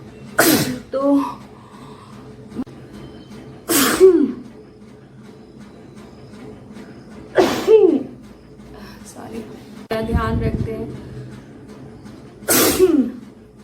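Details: Indian girl doing a sneezing video challenge: four sharp explosive sneezes, each with a quick breath in before it, spaced a few seconds apart, with quiet room noise between.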